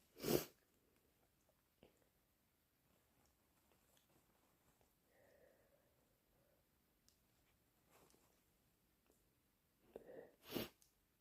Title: Induced hayfever sneezes and blows